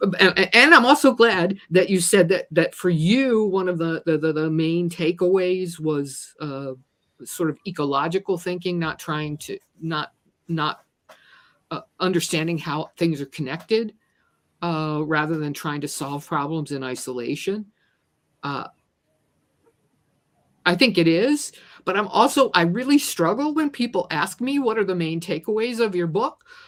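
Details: Adult speaker who says they stutter and are a person with a disability, with word repetitions; stuttering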